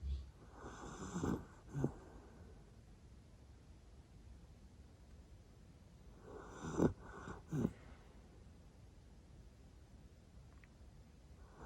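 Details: Sleeping Jack Russell Terrier dog: two soft, rough snoring breaths separated by quiet pauses; light (level 1) snoring, and the sound may be faint.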